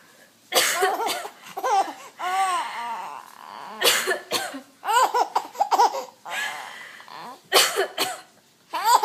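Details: A mother coughing while her 3-month-old baby laughs in response.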